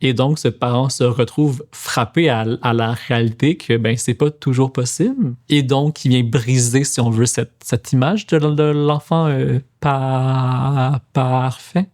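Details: Adult male speech-language therapist and PhD student in speech-language sciences who stutters; stuttering.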